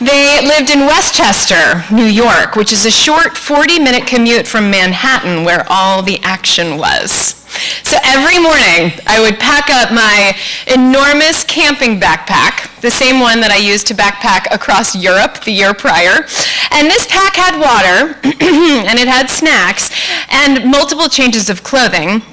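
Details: Adult woman; ordinary speech.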